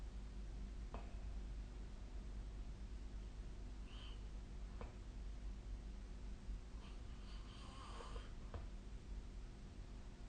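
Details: Sleep snoring recorded on 2025/04/21.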